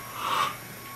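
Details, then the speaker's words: Demonstration of manual ventilation with a standard self-inflating bag valve mask on 15 L/min oxygen flow: a single short airy whoosh of a delivered breath from the squeezed bag. "so when I deliver a breath"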